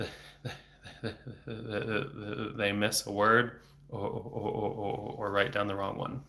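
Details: Adult man who has stuttered since age eight, about 26 years, with speech therapy off and on until his early 20s; not using fluency strategies here; he reports blocks with throat tension and frequent repetitions; stuttering.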